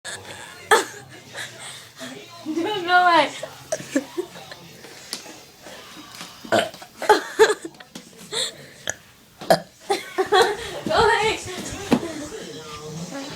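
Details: A sister's ongoing burping problem: repeated loud, croaking belches mixed with laughter and talk; frequent burping.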